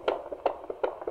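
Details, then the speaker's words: Midwife home visit, heavily pregnant woman with her second child: quick, regular fetal heartbeat on Doppler about 155 a minute, rising after the baby is pushed, a reassuring acceleration. "yeah you could hear it go up a bit there we go that's a really good sign that that's a happy little baby in there"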